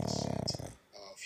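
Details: Sleeping dog gives a brief, rattling, fluttering low snore, with television news talk in the background: snoring.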